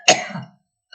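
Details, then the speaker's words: Single short, harsh cough with a throat-clearing quality from an adult woman with a very hoarse voice who reports bronchitis, rhinitis, sinusitis, tracheitis and a parotitis-swollen face, coughing while reciting poems. "Ça m'a beaucoup transformée puisque j'ai le visage gonflé par une parotidite, bronchite, rhinite, sinusite, trachéite, je tousse."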